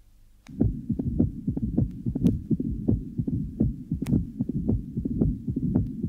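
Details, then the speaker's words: 1966 teaching recording of mitral stenosis: loud S1 varying in intensity, loud opening snap after S2, then a rumbling murmur filling diastole; played at half speed, then normal speed. "lve the first heart son is loud and varies in intensity a loud opening snap is heard following the second heart sound and then a rumbling murmur which fills diast"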